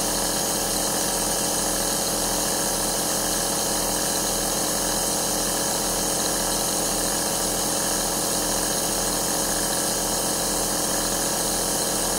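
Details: An 11-hour aerosol relaxation sound recording: a compressor nebulizer running, with a steady mechanical hum and a soft rapid pulsing hiss, used as ASMR white noise for relaxation and sleep.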